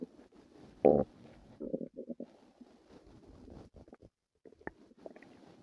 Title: my stomach hurt last night | stomach noises and growls